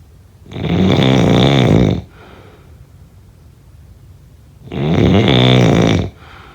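Two long, loud, vibrating snores on breathing in, about four seconds apart, with quiet breathing out between; ordinary sleep snoring.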